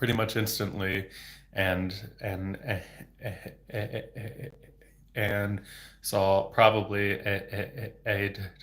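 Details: Adult male speech-language pathologist who has stuttered since age 8 (26 years), speaking without fluency techniques, with sound, word and phrase repetitions and blocks; stuttering.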